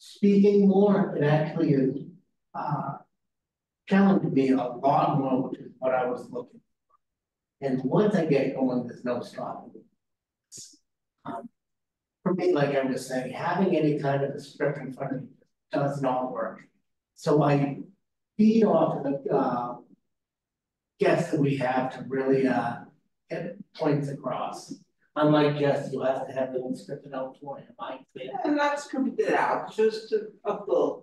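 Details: Real person with aphasia, a member of an aphasia institute who helps train conversation partners; aphasia.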